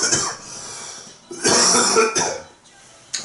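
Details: Loud, harsh coughing in a few sharp bursts interrupting a man singing, with quieter room noise between them; an ordinary acute cough.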